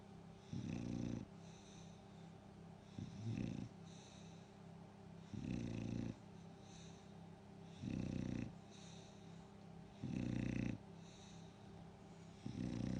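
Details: Loud, rumbling snores from a sleeping bulldog, about 28 a minute, each under a second with quiet breathing between, over low steady room hum.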